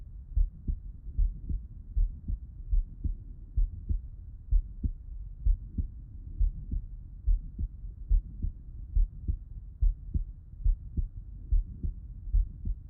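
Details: Heart auscultation by stethoscope with the person lying on the left side: normal heart sounds.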